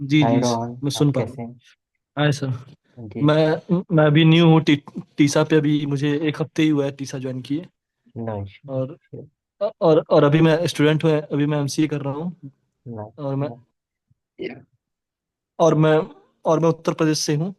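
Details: Stuttering (stammering) in an adult male student, present since childhood and marked during interviews.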